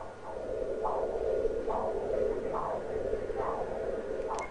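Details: Renal artery Doppler in a patient asked to hold breath: rhythmic whooshing flow pulses, about five in four seconds, sharp upstroke, continuous diastolic flow; described as very much normal.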